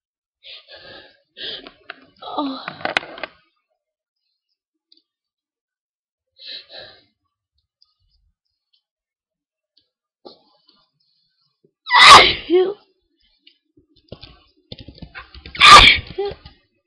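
Quiet sniffs and catches of breath, then two loud explosive sneezes several seconds apart.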